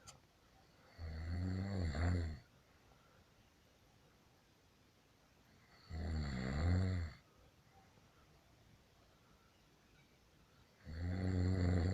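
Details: Adult husband filmed asleep: loud, low, rattling snores on inhalation, about 12 per minute, with quiet pauses between breaths; ordinary snoring during sleep.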